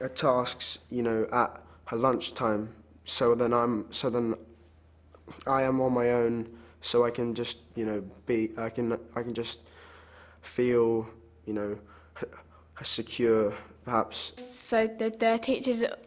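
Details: Child or young person who stammers; stammering (stuttering).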